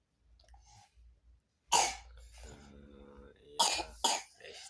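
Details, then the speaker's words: A young child, dizzy and coughing repeatedly, gives three short, forceful coughs with a brief voiced throat sound between them: cough. "Iya, kayaknya lagi pusing, batuk terus."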